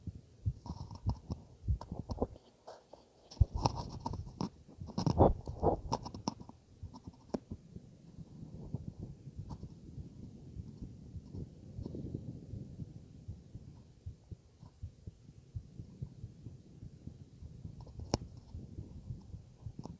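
Low gurgling and rumbling abdominal sounds with scattered clicks, heard through a stethoscope.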